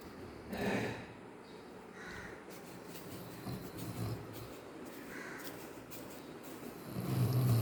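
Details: Snoring from a sleeping dog that is dreaming and makes running movements in its sleep.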